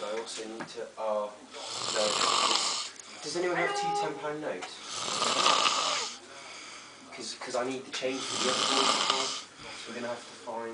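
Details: Loud, rasping snores recurring about every three seconds, with voices audible between them.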